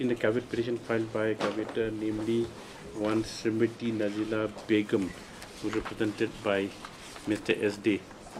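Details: Adult male speaker; normal speech.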